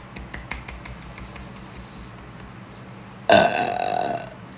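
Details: A young woman gives one loud, drawn-out voiced belch about a second long after faint clicks; an ordinary burp, tagged as a Sprite challenge.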